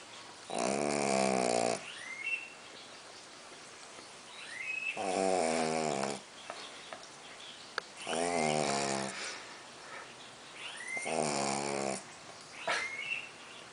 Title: Pug Roncando Snoring (colt roncando)